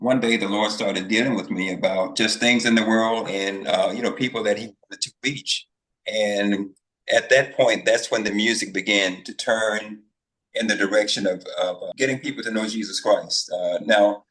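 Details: Adult male speaker; ordinary speech.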